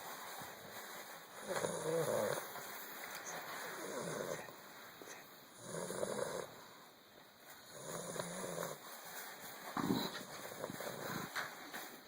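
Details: A sleeping Bulldog puppy snoring: regular snorting, rumbling breaths about every two seconds, about 15 a minute, with some background hum.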